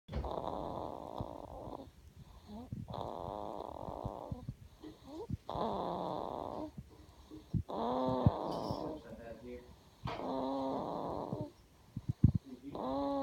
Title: Snoring baby